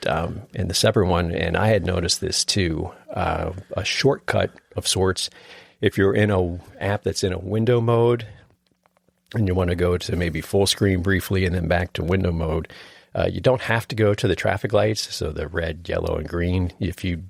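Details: Adult male speaker; Normal speech.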